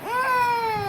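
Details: Baby crying while being coaxed to eat: a single brief, clear wailing cry falling slightly in pitch; ordinary infant crying.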